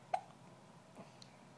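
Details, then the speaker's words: One sharp, short hiccup in a quiet, dark room at night, followed by fainter soft sounds, from a baby who gets hiccups every time she feeds; a hiccup. "you always have hiccups don't you looking at mmy every time you eat you have hiccups it's really annoying actually"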